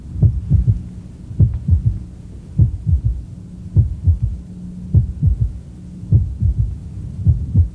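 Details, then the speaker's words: Third heart sound (S3 gallop): slow heartbeat near 50 a minute with a soft added third sound after each beat, fading and then returning louder after a premature ventricular contraction; ventricular filling sound. "listen to the loudness of the third heart sound and then note after the PVC occurs what happens to it"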